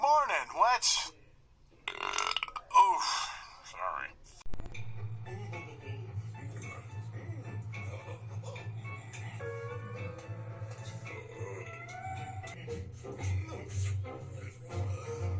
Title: Burp compilation 109